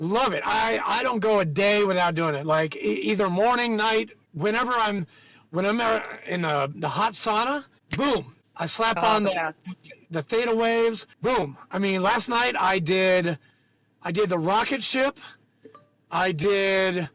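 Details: Adult speaker; Ordinary conversational speech.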